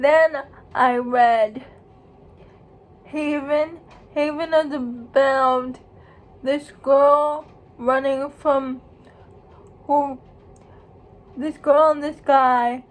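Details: Speech of a young woman who states she has cerebral palsy; dysarthric speech in cerebral palsy.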